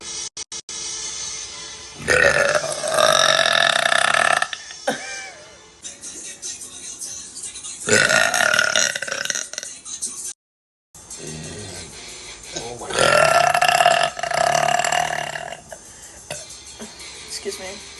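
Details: Girl burping on a live stream: several long, loud, voiced belches with music in the background.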